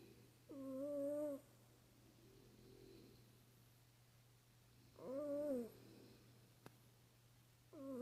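A cat makes repeated squeaky, whistling snores with softer breaths between them in a quiet room. This is ordinary, harmless snoring.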